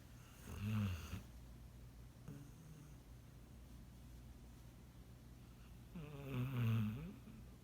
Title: Snoring Doggo